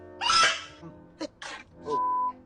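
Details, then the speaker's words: Celebrity sneeze compilation: one sharp sneeze burst, then brief breathy bursts, with a steady tone and background music. "Oh, I'm about to sneeze."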